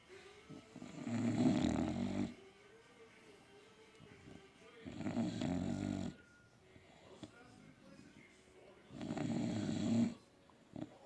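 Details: Dogs ("bullies") snoring during sleep: three loud, rattling snores about every four seconds, roughly 15 a minute, with a faint continuous hum between them.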